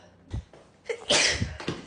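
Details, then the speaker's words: Girl with allergies who says she sneezes about 40 times in a row, counting her sneezes: a short inward catch of breath, then one explosive, hissing burst through nose and mouth; a single allergic sneeze. "I sneeze like 40 times in a row, I swear to God."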